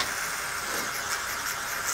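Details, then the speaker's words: Steady airy hiss and whistle of suction through tubing, cleaning secretions from the tubing after nasopharyngeal suctioning of a real patient who had a gag reflex. "kind of see there is some gunk in the suction tubing I'm gonna do just simply clean that oh"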